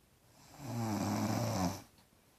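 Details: Daughter asleep: one long, loud, rumbling snore lasting over a second on the in-breath, described as louder than the TV; heavy snoring.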